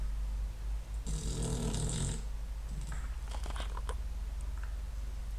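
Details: A dog snoring: a loud, rattling snore on the breath in, then quieter snuffling over a steady low hum.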